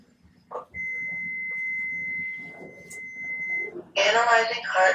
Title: Using an AED (Automatic External Defibrillator)